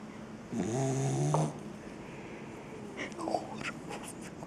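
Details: Seven-month-old English cocker spaniel asleep: one pitched, whistling snore, then a fainter one, over room noise; snoring.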